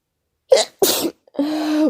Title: what is making me sneeze?!